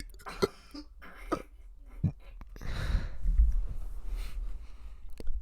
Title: ABC's! but its burping